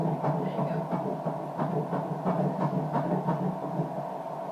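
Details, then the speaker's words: Rapid regular whooshing pulses of a fetal heartbeat on first ultrasound at about 10 weeks, about 171–175 per minute, above 120–160 but not uncommon this early; fetal heartbeat on ultrasound. "i'm going to try to listen to the heartbeat okay"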